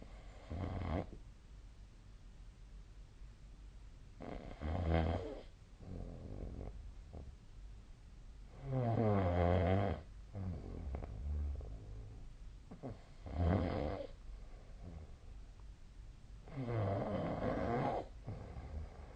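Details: Loud, rattling snores on inhalation, about 15 a minute, with quiet breathing between, recorded during sleep.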